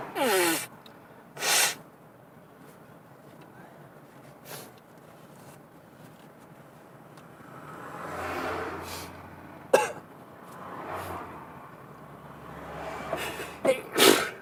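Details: Sneezing fit while driving: several sneezing bursts in short succession over steady road and engine noise inside a moving car.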